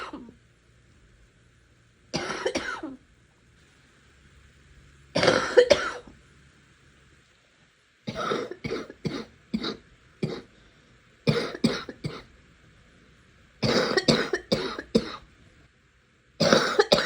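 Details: Repeated coughing with a loose, rattly quality, mostly in short runs: a wet, productive cough.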